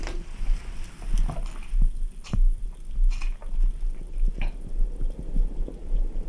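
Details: Active bowel sounds from an adult's stomach after drinking ice-cold Red Bull, with low, rolling abdominal rumbles and a few brief gurgles and squeaks.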